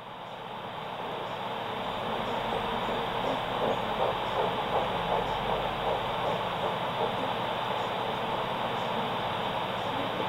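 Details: Doppler blood pressure measurement in a cat with the cuff on the leg: continuous hissing signal with rhythmic whooshing arterial pulses, about 160 per minute.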